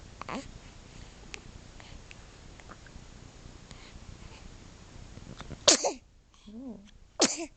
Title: Sneezing